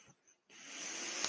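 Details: Podcaster's own mechanical ventilator in background: brief quiet pause, then steady airy hiss that swells and holds as breath is delivered; mechanical ventilator breath cycle.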